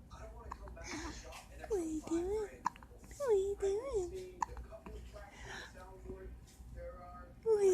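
Short, abrupt voiced catches repeating amid soft child vocal sounds, fitting hiccups.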